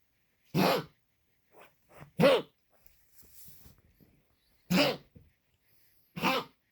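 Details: Dog coughing repeatedly: four loud, abrupt, harsh bursts a couple of seconds apart, with softer wheezy breathing sounds between them.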